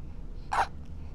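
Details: Hiccup: a single short, abrupt voiced catch with a sharp onset in a quiet room.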